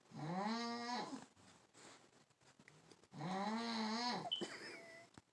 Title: Carebear Snoring!